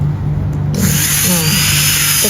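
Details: Demonstration of a class I amalgam cavity preparation on a premolar with a micromotor and contra-angle handpiece while cutting the outline after the round bur: a brief hum, then a steady high-pitched drilling whine.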